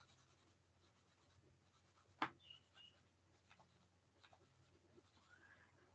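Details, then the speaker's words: Imitation of a pericardial friction rub in pericarditis, made by rubbing two sheets of paper together: brief scratchy rustles. The rub is described as three-component, from atrial systole, ventricular systole and diastole. "tres componentes agarren ustedes dos dos pedazos de hojas front-end los tres veces así suena el frote pericárdico"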